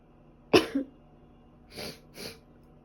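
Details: Runny nose and sneezing that won't stop: one sharp, explosive sneeze followed by two softer, breathy sniffs in a quiet room.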